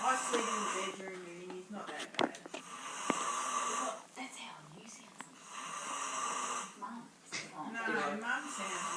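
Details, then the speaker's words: Rough, rattling, honking snores on each in-breath with room noise; snoring persists. "You've got a bit of a honking. Yeah. Do I still do it? That's it. Do I Intake still though. snore? Yes. When you intake, you go."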